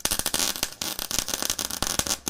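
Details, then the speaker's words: Electric needle burner (needle destroyer) in a hospital ICU melting a used needle tip as biomedical waste: rapid sharp crackling and sputtering. Needle destroyer operating. "इसको जलाने के लिए ये machine का इस्तेमाल किया जा सकता है। जैसे ये नीडल देख सकते हो इसको हम डालेंगे इस मशीन में। तो ये इस तरह वो जल जाएगी।"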